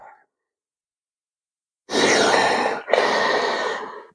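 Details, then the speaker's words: Two long, forceful, rushing breaths through a Respiron inspiratory muscle trainer at maximum load, with all three balls raised and the ring on its heaviest setting, giving effortful flow against restriction; respiratory physiotherapy demonstration in an asthma context. "primeiro concorda comigo que houve o aumento da carga do aparelho tá isso eu acho que a eh tá claro para todo mundo"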